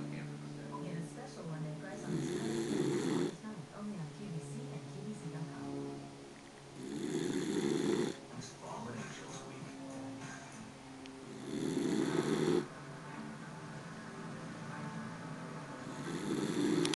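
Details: Snoring during a nap: loud rasping snores about every five seconds, roughly 12 a minute, between quieter breaths.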